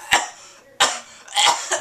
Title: More Coughing (10/17/2010-Day 259)